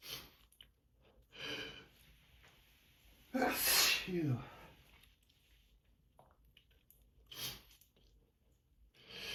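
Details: One forceful allergic sneeze with a sharp intake and voiced burst, surrounded by sniffs and breaths; a tired sneezer during a morning of seasonal allergies, sneezing into tissues.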